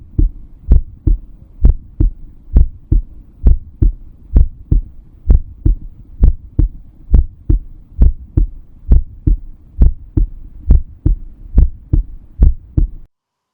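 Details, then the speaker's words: Normal heart sounds of a healthy 16-year-old girl, the first recorded digital stethoscope sound, heard over the tricuspid valve area: crisp, regular paired sounds at about 67 beats a minute, no extra noises. "सबसे पहले एक स्वस्थ 16 वर्षीय लड़की के हृदय की धड़कन को रिकॉर्ड किया गया। जैसा कि ट्रास्किप्टिक बॉल क्षेत्र पर डिजिटल स्कोप से सुना गया।"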